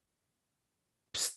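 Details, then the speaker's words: A single sharp, hissy sneeze from a female pet cat after about a second of near silence, heard during a live podcast recording. "uh phil's cat is sneezing she's just mad because did you hear that oh yeah yeah that's funny"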